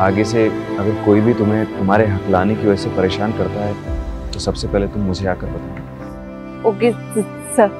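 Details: Adult man, acted scene; no speech disorder.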